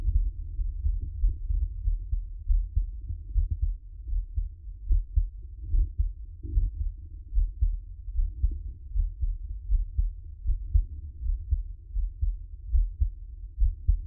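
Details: Adult man's own heartbeat recorded for ASMR relaxation: soft, steady low thumps at about 75 beats a minute with a faint hum; normal resting heartbeat.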